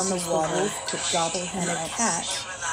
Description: An audio/visual simulation of what it's like to experience a sensory overload as you struggle to process what you hear.